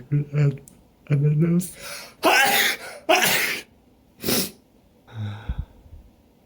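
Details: Suspected pollen allergy after moving to a new city, itchy nose and eyes, morning sneezing attack: voiced gasping build-ups then three forceful sneezes in quick succession.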